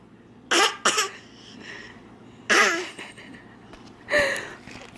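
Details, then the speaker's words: Baby's deliberate fake cough, a newly learned trick, not illness: short, bright cough-like bursts with little chesty quality. "okay do you guys like his fake cough oh my goodness you are so funny"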